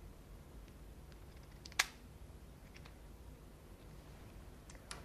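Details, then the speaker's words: Single sharp spring click of a lancing device firing against a clean, dry finger to prick it for a blood glucose test, held with good contact rather than pressed firmly, in a paediatric diabetes nurse demonstration, over faint room noise. "when you put the lancet device against the finger you don't need to press firmly you just need to make sure that there is good contact between the lancing device and the finger"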